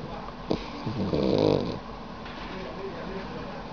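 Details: Snoring in a sleeping dog with its tongue out: a single rattling, fluttering snore over steady room noise.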